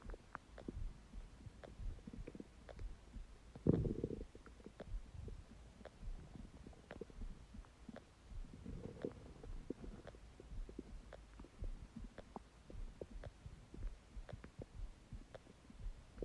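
Quiet gurgles and crackly rumbles from an empty stomach, with a louder growl partway through; ordinary hunger noises.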